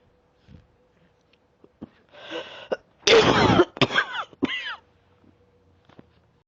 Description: Although the bronchitis is going away, I am still coughing but just not as bad. I don't know how long the cough can last me.